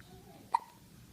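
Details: Baby boy with hiccups: a single sharp, abrupt gulping sound against quiet room noise. A hiccup.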